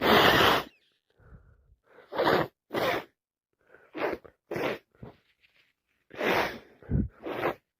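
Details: Day 2 of a bad head cold: several explosive sneezes with sniffs and wind-up breaths between them; repeated sneezing.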